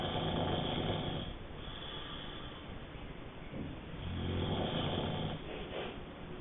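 Low, rough snoring with each breath, over steady room noise. Snoring from vibration in the upper airway during sleep.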